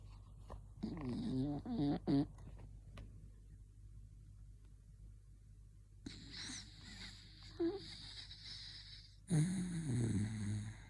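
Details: Bichon Frise male dog snoring.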